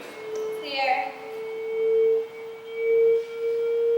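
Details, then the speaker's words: AED charging tone from a training-mode automated external defibrillator in a demonstration: steady electronic tone in repeated pulses as it charges after rhythm analysis advises a shock, with voice prompts "shock advised, charging, stand clear". "analyzing heart rhythm do not touch the patient shock advanced charging stand clear"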